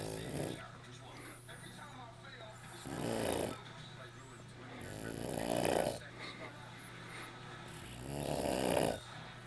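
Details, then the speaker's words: Sleeping man snoring continuously for an hour: loud, rough snoring bursts about every 2.5–3 seconds, roughly 20 a minute, with low hum between them, as his mouth and nose are briefly covered by hand and snoring resumes. "I'm gonna stop him from breathing for like a second. But it's not gonna do anything. He's just gonna stop for a second and then start snoring again."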